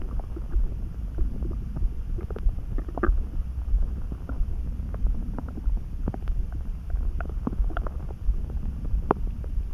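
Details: Stomach rumbling that started suddenly while neither hungry nor too full: steady low rumble with frequent small gurgles and pops over a constant low hum; borborygmi, ordinary bowel sounds.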